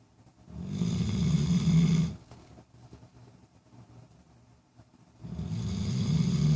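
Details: Sleeping dog, recorded days before it later had seizures: two deep, rumbling snores about four seconds apart with quiet breathing between; snoring.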